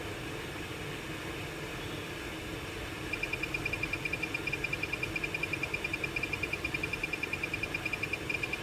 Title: BIPAP Machine For Release Sleeping Sounds & Deep sleep #sleep sound#medical #hospital